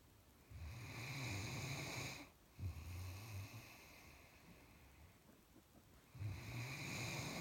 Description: Max the Great Dane is a very sound sleeper and a noisy one.